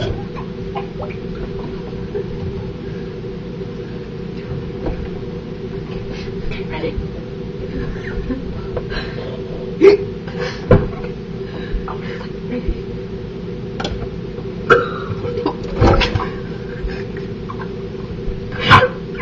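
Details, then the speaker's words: Hiccups while a girl holds her breath and drinks water with ears and nose plugged: several brief, sharp throat clicks and gulps over a steady low room hum. "We're gonna plug her ears and her nose, and she's gonna hold her breath and drink water all at once."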